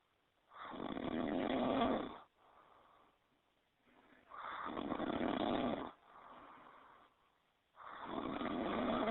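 Deep, loud rasping snores on each in-breath with softer out-breaths, about 7 breaths a minute.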